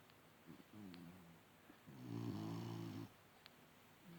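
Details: A 30-second snoring session: low rattling snores on the breaths, with one long buzzing snore in the middle, in a quiet room. Snoring.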